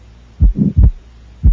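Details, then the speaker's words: Child's heart, two slow beats about 57 a minute, soft mostly systolic murmur at the left upper sternal border with widely split fixed S2, maybe softer diastolic rumble: atrial septal defect, left-to-right atrial shunt. "this is caused by a left to right atrial shunt we hear it mostly in systole although you may hear a softer diastolic rumble as well"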